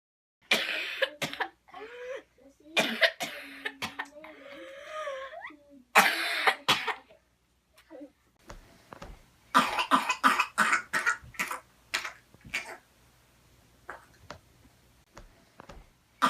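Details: A child coughs in rapid runs with high, drawn-in whooping or squeaking breaths between fits; whooping cough (pertussis).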